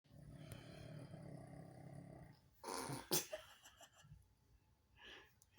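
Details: Rough, rattling breathing sounds with some room noise from a pug sleeping, tired after a day in New York City; snoring.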